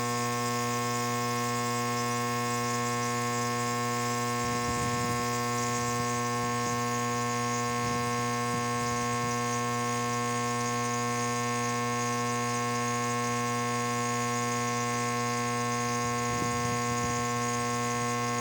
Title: No symptoms of COVID, applying nebulizer for my slight colds and cough cause by allergy.